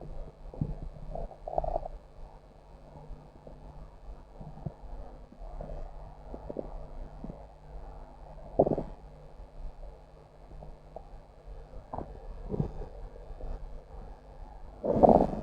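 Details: Ordinary stomach growling (borborygmi): quiet, scattered gurgles and soft rumbles, with a louder gurgle near the end.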